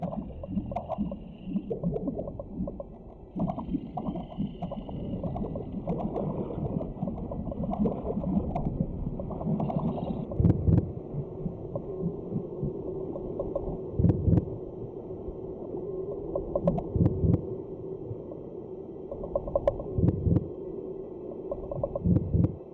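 Over soft music and watery ambience, slow, regular deep thumps begin partway through, about 20 a minute, representing an embryonic heartbeat.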